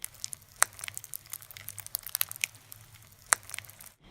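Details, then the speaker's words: Child's chest wall in ICU respiratory assessment, air under subcutaneous tissue felt on palpation as tiny bubbles: fine scattered crackling and crunching pops, crepitus from subcutaneous emphysema. "crepitus is something very specific and will happen if air develops under the subcutaneous tissue in the child's chest wall you can palpate around and will often feel tiny air bubbles along their chest"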